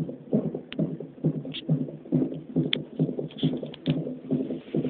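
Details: Fetal heartbeat during a non-stress test on a fetal monitor: rapid, regular whooshing at about 136 per minute, with occasional sharper bumps from fetal hiccups.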